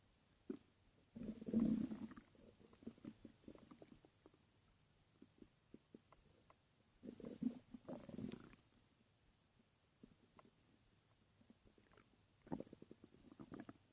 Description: My stomach was growling in the night when i was laying in my bed.